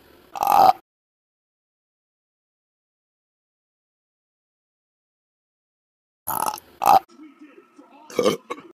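Short, sped-up burp bursts separated by a long silence, then several quick belches; repeated burping.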